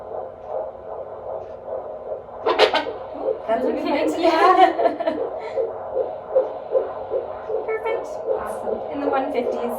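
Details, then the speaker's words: Fetal heartbeat at 14 weeks of pregnancy on the midwife's Doppler: fast, rhythmic whooshing pulses near 158 per minute, with a louder burst as the baby kicks. "then we also got to hear the baby's heartbeat and she used her doppler and we even got to hear the baby kick a little bit"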